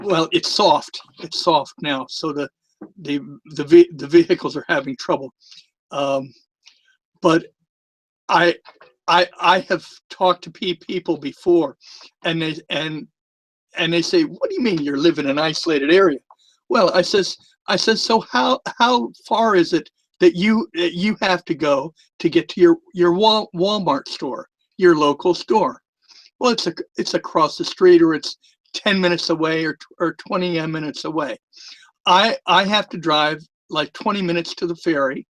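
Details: Long-standing stuttering with a lisp in a retired adult man; he says both are more noticeable with the microphone close to his mouth.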